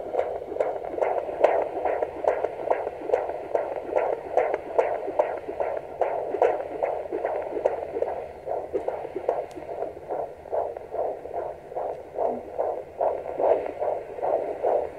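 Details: Fetal heartbeat on Doppler: rapid, regular whooshing pulses at about 145 beats a minute.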